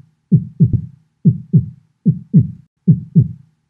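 Simulated heart with regular lub-dub pairs at about 70 a minute, a normal first and second sound.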